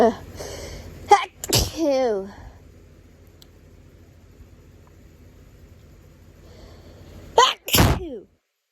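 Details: Adult with hay fever resting in bed: two forceful allergic sneezes, each with a sharp inward breath and a groan after, separated by quiet; complains of stuff in nose and dryness.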